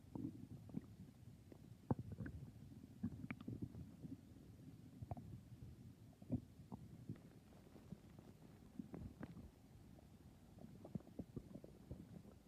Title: 🤤nighttime stomach growls🤤